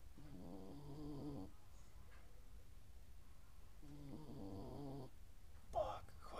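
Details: Dog snoring in sleep: two long, low, rattling snores about four seconds apart, with a quieter stretch between them.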